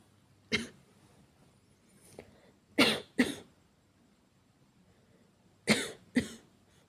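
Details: Simulated (acted) coughing by a woman playing a girlfriend with cough and fever: five short harsh coughs, mostly in pairs, plus a faint throat sound, in a quiet room.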